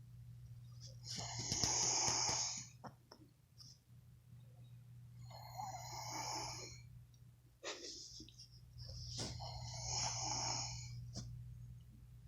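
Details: Snoring in a sleeping person: four long, hissing, rattly breaths at about 12–15 per minute over a steady electrical hum, before being woken with cold tap water.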